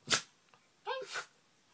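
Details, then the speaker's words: A dog sneezing, with a single sharp, hissing burst followed by a brief voice; the owner wonders whether she has a cold. "go sneeze Missy do sneeze do sneeze me see do sneeze are you singing St"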